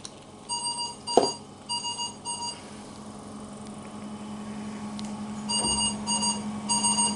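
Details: Troubleshooting ventilator high airway pressure in acute/critical care teaching: repeated bursts of high-pitched electronic beeps over a steady machine hum and room noise, a ventilator high airway pressure alarm.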